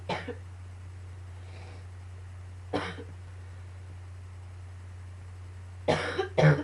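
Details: Four short harsh coughs, one alone then a pair close together, over a steady low hum; a coughing fit combined with allergies, amid coughing and a few sneezes; cough.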